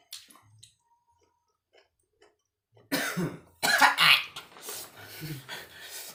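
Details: A few quiet throat sounds, then a run of harsh, forceful coughs with throat clearing while eating young pineapple; an irritant cough.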